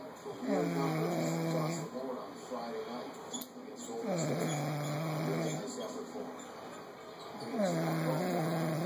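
Long, low, buzzing snores on each breath, roughly three in nine seconds, with quieter breaths between; ordinary snoring in sleep.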